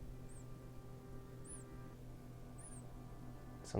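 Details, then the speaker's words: Black Pastel snake with a slight breathing wheeze: three faint, very high-pitched squeaks over a low hum. Often assumed to be a respiratory infection, but the owners say in this case it is not. "like a little squeak so a lot of people say it's just a respiratory infection but in this case it actually is not"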